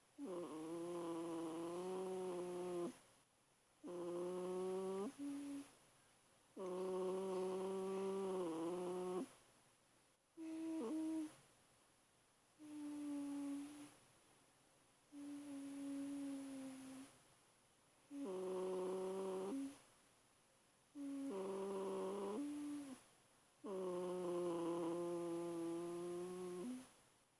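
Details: 8-week-old German Shepherd puppy sleeping: repeated humming, whiny breath sounds about 22 a minute, like a high-pitched snore; snoring.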